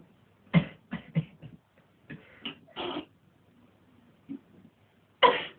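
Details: Several abrupt explosive bursts in a quiet room, a rapid cluster then more spaced bursts; repeated sneezes.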